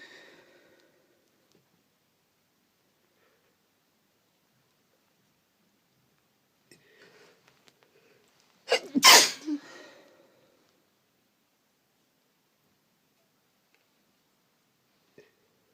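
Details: A single sharp, forceful sneeze after a short intake of breath, surrounded by near silence.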